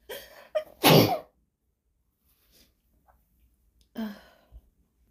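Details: Woman, deliberately induced sneezes recorded on a phone: short inward breaths then explosive bursts, a quick run of sharp sneezes, one more a few seconds later; somewhat desperate-sounding.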